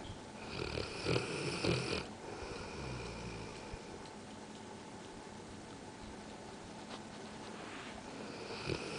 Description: Bullmastiff Dog Snoring